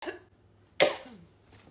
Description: A 25-year-old girl sneezes 38 times in a row.